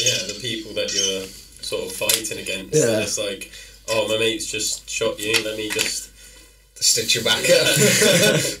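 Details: Adult male speaker; typical speech.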